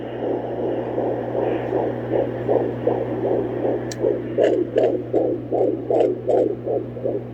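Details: Doppler fetal heartbeat at almost 17 weeks of pregnancy: rapid rhythmic whooshing pulses, about 160 a minute, over a steady hum; fetal heartbeat.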